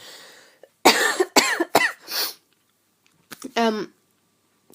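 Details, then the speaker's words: A run of several harsh, dry coughs, then a shorter cough with a voiced catch, from an adult whose asthma has been flaring for about 10 days and who feels run down; cough. "I'm probably going to end up coughing a bit too cuz for whatever reason the last 10 days or so my asthma's been playing up"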